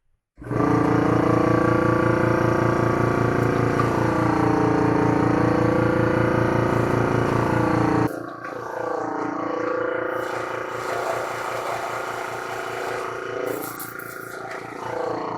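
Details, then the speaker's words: Home suction machine for secretions of a child with seizures and disabilities, running during cleaning: steady pulsing motor drone, with gurgling as hot rinse water is drawn through the tubing. "then i'm actually just going to turn this on and suck it into there so that it cleans out this tube as it sucks all right"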